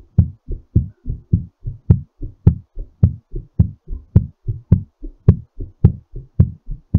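Fast, regular low thumps at about 107 beats a minute, a quickened heartbeat settling after exercise.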